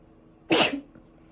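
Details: A single sharp, explosive sneeze with a short trailing sound, from a woman with a bad cold.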